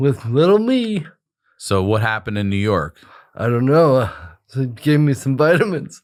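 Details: Adult male with cerebral palsy since birth, attributed to brain injury or lack of oxygen at birth after an emergency C-section; dysarthria (cerebral palsy).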